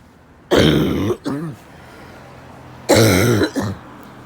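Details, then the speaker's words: Adult with an ongoing coughing fit and no phlegm coming out: two bouts, each a strong cough followed by a short voiced throat clear, dry-sounding without audible rattle. "didn't start coughing again until I left. It was just slow. I couldn't stop coughing."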